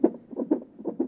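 Rapid, regular whooshing pulses of an unborn baby's heartbeat, roughly 125 beats a minute.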